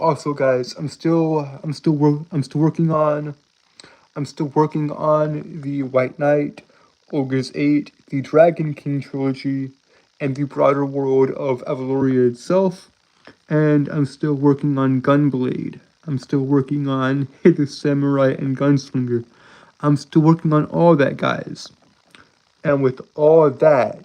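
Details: Adult male with a self-described severe speech impediment causing stuttering; this stretch has word and phrase repetitions. Finding: stuttering.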